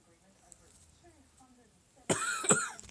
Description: Sleeping Chewbacca reacts to my coughing by clacking his teeth and chirping.